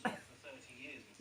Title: My love coughing